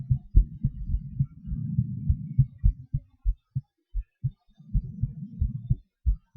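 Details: Self-recorded heartbeat during breath-holds and panting (hyperventilation): quick, dull thumps with stretches of low rumbling between beats, the heart rate changing with breathing.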